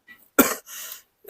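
One sharp, explosive cough from an adult, followed by a softer, breathy rush of air; a single isolated cough.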